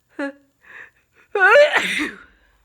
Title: Teasing sneezes and a big blow